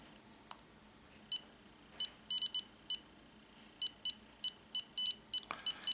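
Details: Short high beeps at a roughly heartbeat pace, somewhat irregular as recording starts, in a quiet room: an EMAY EMG-20 portable ECG monitor, held in the hands for a 30-second reading, sounding each detected beat.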